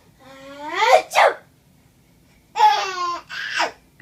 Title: Baby laughs at his sneezing aunt